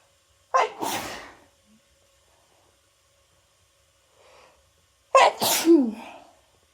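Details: Person with a cold, after holding back sneezes all day, sneezes with help of chhinkni: two forceful sneezes, each a sharp explosive burst with a trailing voiced sound, separated by a few seconds of quiet.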